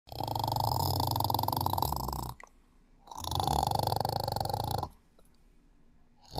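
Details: Sleeping and snoring heavily: loud, coarse, rattling snores about two seconds long with quiet gaps between; snoring.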